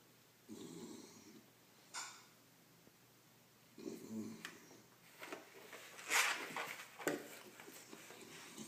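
Soft nasal snores with snuffling and a few sharper snorts in a quiet room; a dog snoring.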